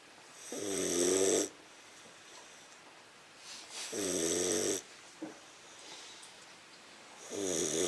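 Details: 15-week-old English Mastiff puppy snoring: steady nasal snores with a whistling, buzzy edge, three in eight seconds, quiet breathing between.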